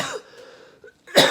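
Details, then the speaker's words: Adult coughing in a daily video journal: a harsh explosive cough with a raspy tail, then a second forceful cough, during a lingering cough illness; the speaker says mucus is trying to come up. "pardon me I am coughing like a hyena who swallowed a second cactus tree yeah I'm over I'm over this like coughing this coughing is ready to be gone"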